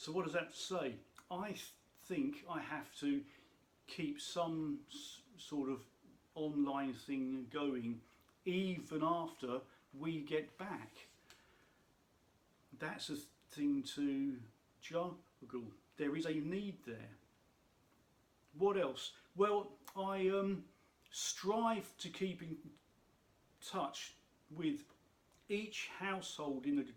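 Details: Adult man who states he has a stammer, which he says can be heard in his speech; stuttering (stammer).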